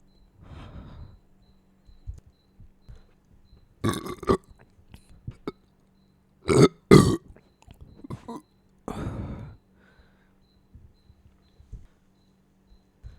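Several loud, low, gurgling belches in a quiet room, some in quick pairs: repeated burping after a meal.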